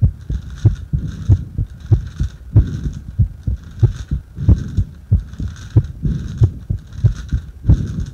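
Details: Regular low heartbeats at about 47 per minute, recorded during paper-bag rebreathing; normal heart sounds.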